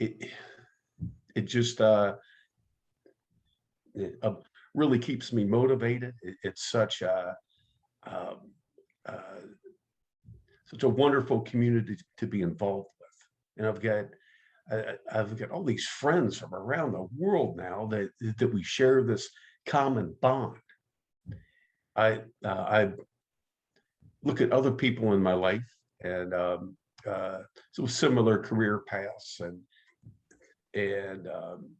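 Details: adult man who stutters, active in stuttering support community for over 25 years; stuttering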